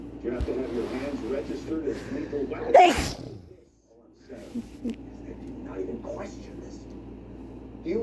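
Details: Adult male giving a single loud, explosive sneeze induced by chhikni powder, over background talk.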